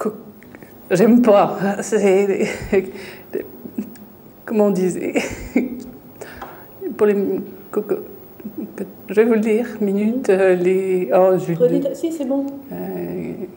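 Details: French-speaking female patient with aphasia in a picture-naming task, shown in a clinical training film. She recognises the object but searches for words, and her utterance is ambiguous: aphasia with word-finding difficulty.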